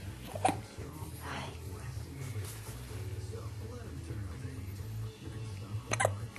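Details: Two sharp hiccup bursts, near the start and the end, over a low steady hum and faint background talk; hiccups.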